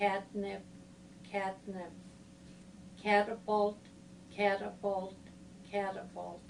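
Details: 80-year-old woman, 3.5 years into progressive difficulty getting words out, with language and writing largely preserved and PET showing focal premotor/supplementary motor hypometabolism, repeating multisyllabic words with slow, distorted, segmented speech; primary progressive apraxia of speech.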